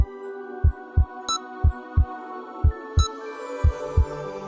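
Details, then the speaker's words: Steady paired heartbeat thumps at about 60 beats a minute under soft music; normal heartbeat. "and this is the sound of silence the sound of the heart beating is the most beautiful sound in the universe"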